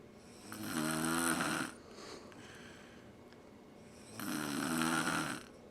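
Two long, loud, rattling snores about three seconds apart, each followed by a quieter breath out: steady adult snoring during sleep.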